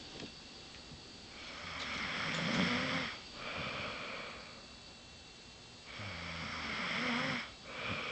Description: haahaha she was snoring like so loud.